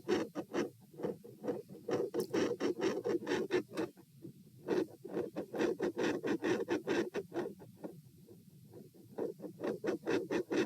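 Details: Heart sounds at position P while standing: scratchy, rapid paired beats swell loud, fade to near silence and return in repeated waves; extreme intensity change, PFO shunt suspected.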